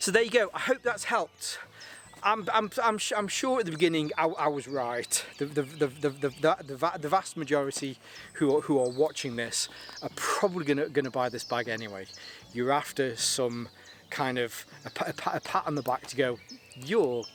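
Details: Stuttering in an adult whose stammer is linked to his anxiety and still present a little; he says it was much worse on the first day of filming.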